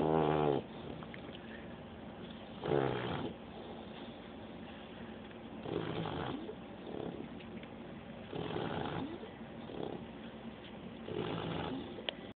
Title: Snoring puppy...